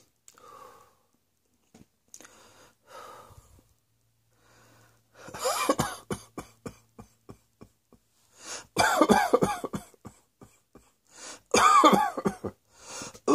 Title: Cross Dressing Coughing 84